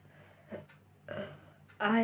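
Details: Burping challenge clip: a few short throaty bursts, the last loud and voiced, ending in a burp; quiet room noise behind. Burping.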